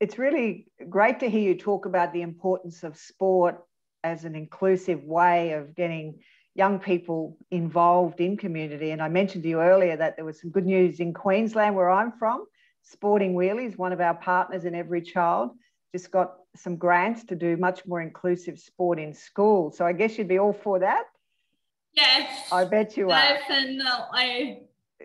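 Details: Adult speaker; typical speech.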